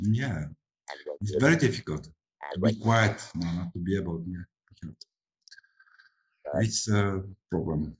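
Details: Adult male speaker; ordinary speech.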